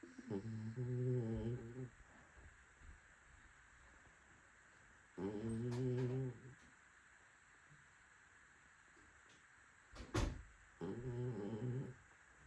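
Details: Cavalier dog (Cookie) snoring while asleep in low, humming rumbles about every five seconds, roughly 12 breaths a minute.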